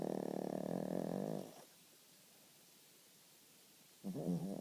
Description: Our little Snorkie Charlee Horse is quite the snorer..